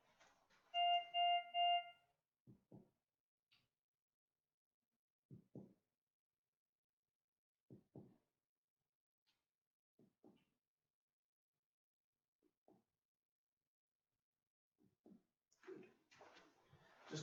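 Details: Chest percussion during a clinical assessment, including on the back: brief electronic beeps, then six pairs of soft finger taps and some rustling; the notes are resonant, not dull or hyper-resonant, a normal finding.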